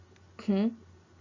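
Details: Vowel-specific active nasal fricative, a Japanese error affecting vowels i and u and syllables followed by them (e.g. 'ki'), often misdiagnosed as hypernasality; cleft palate speech assessment context.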